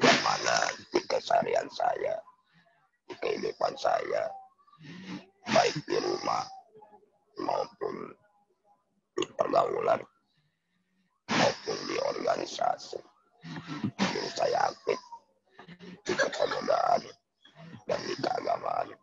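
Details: Laryngectomy voice in a man breathing through a neck stoma, attributed to passive smoking (cigarette smoke exposure).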